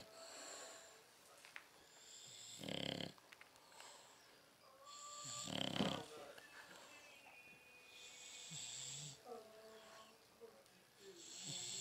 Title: snoring